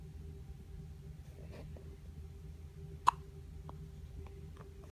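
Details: Hiccups in a 3-day-old newborn: a single soft, sharp hiccup click against quiet room hum.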